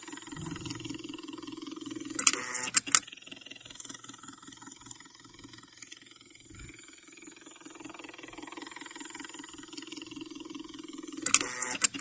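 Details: IV infusion pump recorded during a hospital stay: soft rhythmic mechanical ticking and whirring with a few sharp clicks, normal infusion pump operation.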